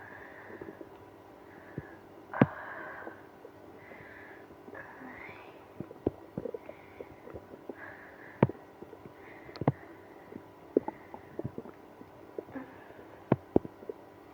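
Soft gurgling and drawn-out growls from the belly with scattered clicks over steady room hum; active bowel sounds in irritable bowel syndrome.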